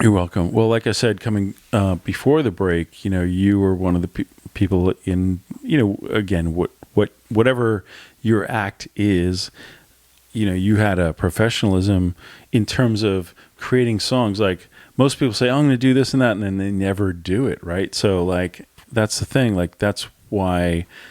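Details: Adult male speaker; Normal conversational speech.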